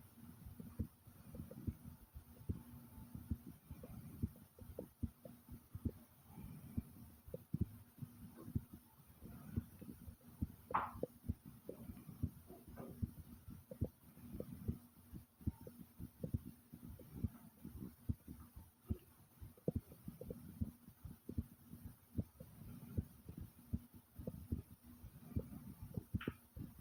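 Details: Loud, fast heartbeat heard as rapid, strong low thumps, with the stomach growling along with it in a couple of brief gurgles; a fast, loud heartbeat.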